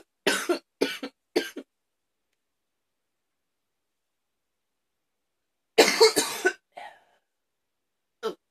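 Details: Hard, harsh coughing fits in the afternoon, leaving the person tired: two bursts of forceful coughs separated by silence, three coughs then a longer run.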